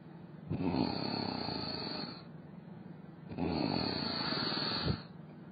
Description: really weird how cat sleep like such way with snoring. it's amazing